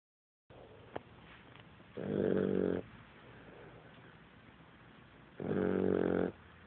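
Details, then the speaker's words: Sleeping female Boxer dog snoring very loudly: two loud, buzzing, throaty snores about three seconds apart over a quiet background; snoring. "this is L he won't even hear you do a snoring that's how loud she is snoring problem"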